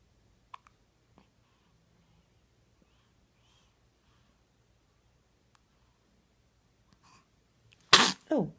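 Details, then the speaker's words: Infant during a 4 am feeding, with first hiccups: faint small hiccup sounds in a quiet room, then two quick, sharp sneezes at the end; hiccups into sneezing. "you so gross daddy got that all on video hiccups into sneeze"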